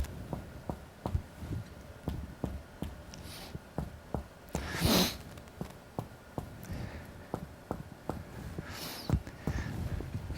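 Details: Series of soft, regular taps of indirect (mediated) finger-on-finger chest percussion, the plexor striking the pleximeter finger's distal interphalangeal joint placed between the ribs; somewhat dull on a muscular chest; normal resonant lung percussion note.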